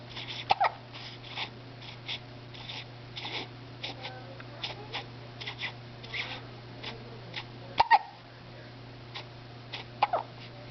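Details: Morning hiccups: three short, sharp hiccups spaced several seconds apart, with faint clicks and soft breathing over a steady low room hum; hiccups.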